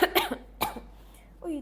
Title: Cough ??? This fruit got your back !!!